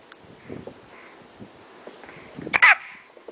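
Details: A single sharp, abrupt gulping sound over soft background noise and faint voices: a hiccup.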